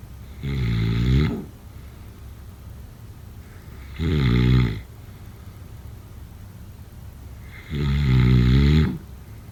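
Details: Three loud, low, rumbling snores about 3.5 seconds apart, roughly 16 a minute, over steady room hiss: typical sleep snoring.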